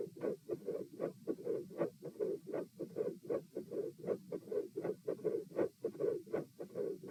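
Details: Soft, quiet mid-systolic murmur recorded at position P with the patient supine. Regular heartbeat near 78 a minute, with the murmur filling the middle of systole.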